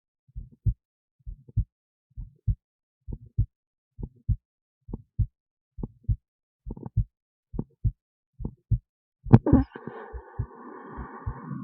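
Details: Own heartbeat recorded with an esophageal stethoscope resting in the esophagus near the heart, alongside EKG: clear, regular paired lub-dub beats at about 67 a minute, then a burst of rubbing noise. Normal heart sounds.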